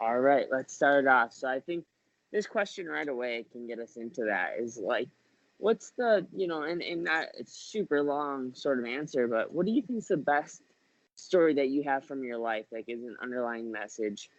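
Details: Adult male speaker; Normal conversational speech.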